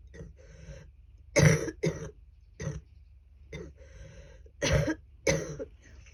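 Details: Repeated harsh, rough, loose phlegmy coughs with throat clearing from an adult woman with a cold, with lots of phlegm, at her worst coughing, when she feared pneumonia.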